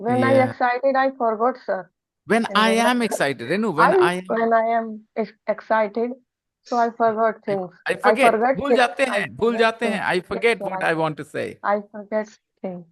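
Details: Man who says he used to stutter as a teenager; he reports his speech would get stuck when he was excited; stuttering.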